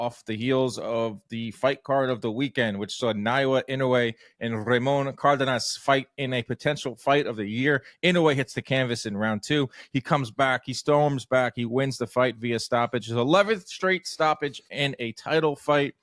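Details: Adult male speaker; ordinary speech.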